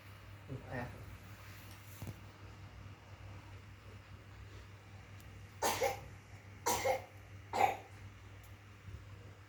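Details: Child unable to sleep at 1 a.m. because of cough: three short, harsh coughs in a row in a quiet room with a low hum; repeated nighttime cough.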